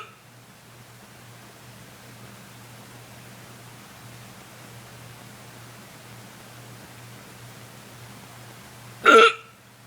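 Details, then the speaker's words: A person's own uncontrollable, loud hiccups, which they say hurt: a single short, sharp hiccup after several seconds of near silence, with a low steady room hum. "this is me hiccuping. I I can't control it."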